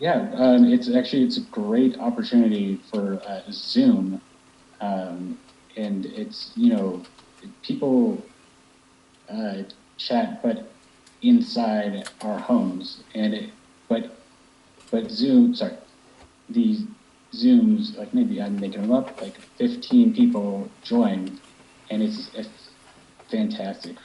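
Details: Young man with aphasia after a stroke about 10 years earlier at age 21, initially able to say about three words and unable to read, write or understand, now improving with practice; Broca's aphasia.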